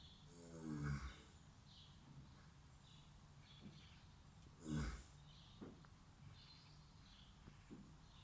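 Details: Low, rumbling snores recurring every few seconds, about 15 a minute, over steady room noise, from an animal that had been worked at a young age; snoring.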